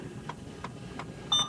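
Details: Alaris 8100 large-volume infusion pump module in a training demo: faint button-press clicks while holding channel off on channel A, then one short high electronic beep confirming the heparin channel has been switched off.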